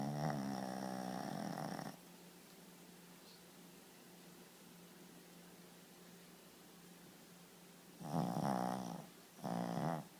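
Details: Loud, rough, vibrating snores separated by quiet pauses from a sleeping Shih Tzu dog, so loud that someone woke him, and he went back to sleep; snoring.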